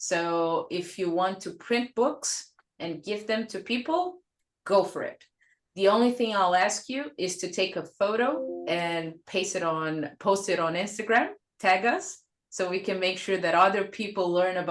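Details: Adult speaker; Normal voice.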